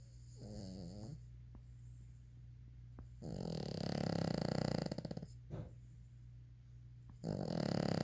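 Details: Daisy, a sleeping dog, snoring: loud rattling snores on each in-breath with quieter pauses between; snoring.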